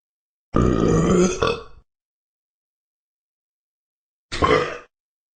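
Two loud, low, rumbling burps, a long one and then a short one, from a sound-effect recording.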